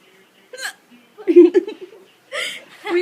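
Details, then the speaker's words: Short, sudden catching sounds from an infant girl, an adult voice nearby urging her on, recorded on a Friday night; infant hiccups. "Come on, keep making that funny hiccup sound."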